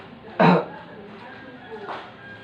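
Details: Nursing student role-play demonstrating effective cough (batuk efektif): the patient takes a deep breath, holds it, then gives one short forceful cough to expel phlegm, followed by a softer exhalation.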